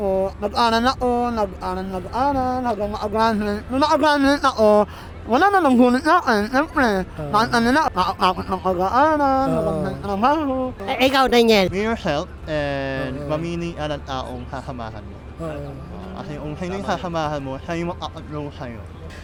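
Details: Young Filipino man, self-described 'ngongo' (nasal-voiced), with palate (ngala-ngala) surgery in childhood and late speech development; hypernasal speech.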